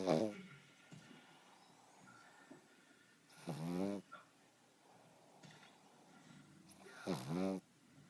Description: Cydney the pug takes a little nap and is very loud.